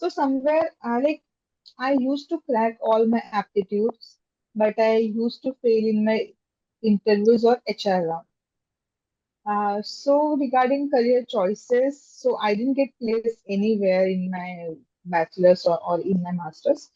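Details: Adult woman who stammers, speaking in a podcast interview; stammering.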